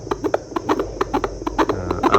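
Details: Fetal heartbeat heard at home on a handheld Doppler given by the doctor: fast, galloping whooshing pulses about 130–140 per minute, noted as 130-plus, within the 120–160 range the doctor said is normal.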